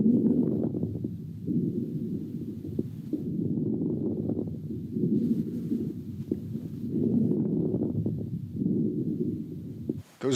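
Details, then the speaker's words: Late inspiratory crackles (rales): fine crackling popping near the end of each inspiration as the lungs pop open; the teaching example follows mention of rales in pneumonia and interstitial fibrosis. "late inspiratory rails and hopefully you were able to hear that crackling sound as the lungs popped open at the end of inspiration"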